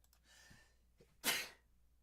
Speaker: Has anybody ever really just truly sneezed once? For me, it's like, how many sneezes can I have in a row?